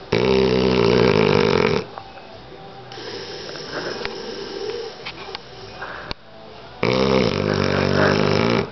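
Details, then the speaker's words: Rocco, an 8-month-old American Bulldog puppy, snoring while asleep: loud rattling, buzzy noises on each breath in, separated by quieter breathing. "snoring? Puppy, you snoring? You gonna wake up? Wake up, buddy. Boy, is he tired."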